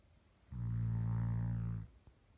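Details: Snoring.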